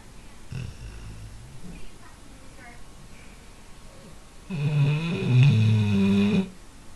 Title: Snoring dog